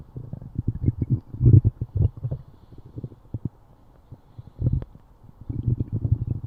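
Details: Deep, low gurgling and rumbling bursts in irregular runs from Silverstream's stomach; active, normal stomach growling (borborygmi).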